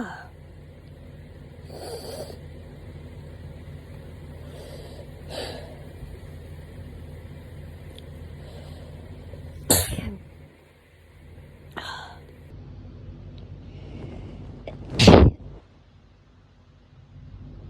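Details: Autumn allergy sneezing: two sharp, loud sneeze bursts with softer snorts and sniffs between them over a steady background hum; repeated sneezing.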